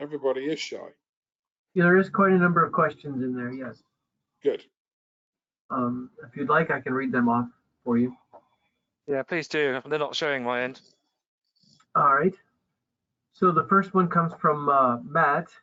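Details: Adult speakers in conversation; ordinary speech.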